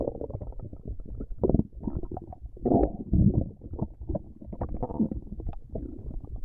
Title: Stomach Growling